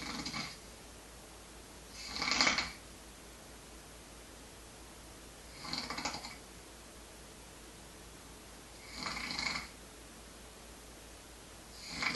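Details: Person asleep with regular raspy snores about every 3.5 seconds, roughly 17 breaths a minute, in a quiet room; ordinary sleep snoring.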